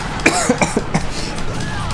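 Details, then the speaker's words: Several short, rough coughs in quick succession with video game music behind, after swallowing a nut that went down the wrong way; coughing after choking on food. "oh stop coughing bro i'm gonna die"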